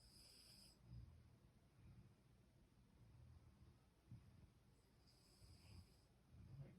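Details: Dog lying upside down in a deep sleep, snoring with soft, low rumbling snores and snorting breaths over a faint background hiss.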